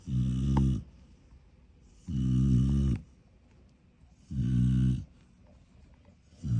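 Loud, rattling snores about a second long, repeating roughly every two seconds with quiet breaths between; heavy snoring.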